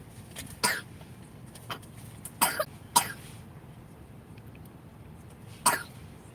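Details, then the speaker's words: Child with a cough for a couple of days and a cold, told to cough up and spit out phlegm: about five short, loose coughs spaced over a few seconds, a productive cough. "she got a little cough she had this cough for like a couple of days"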